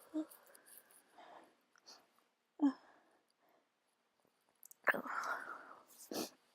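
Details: Person with a cold and itchy nose: quiet breaths and sniffs, then a sharp explosive burst near the end, likely a sneeze; sneezing.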